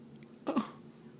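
A single short, sharp hiccup-like burst in a quiet room, followed by a softer tail; an infant hiccup.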